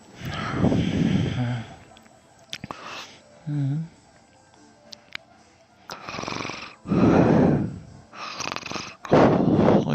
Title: Me snoring and sleep talking